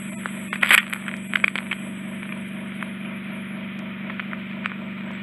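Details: Endoscopic microsuction of severe ear wax impaction in a woman's left ear, later revealing a potential attic cholesteatoma: steady suction hum with brief crackling and slurping bursts as wax enters the tip.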